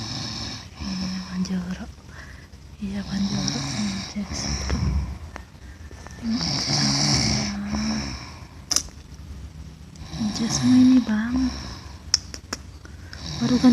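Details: Man snoring during sleep with his mouth open: loud, rough snoring breaths recur through the clip, with background talk and room noise.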